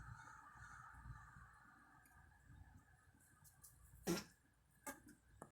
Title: girl coughing